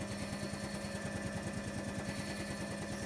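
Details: Hill-Rom Vest oscillation vest and nebulizer compressor running together during airway clearance by a person with primary ciliary dyskinesia (PCD), with nebulized and inhaled antibiotic treatments; steady mechanical hum with rapid regular pulsing, about three per second.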